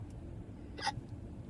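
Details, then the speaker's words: Young child with hiccups: a single short, abrupt hiccup over steady room noise; someone remarks on the hiccups. "I like your hiccups they're cute"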